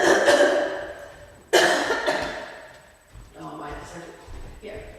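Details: Instructor with a croaky voice coughing during a yoga and meditation class while in a wide-legged forward hang: two sharp, loud cough bursts, then quiet speech in a small room.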